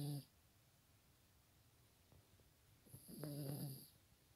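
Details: Soft, low, buzzing snores separated by a quiet pause, with faint room noise; a dog snoring.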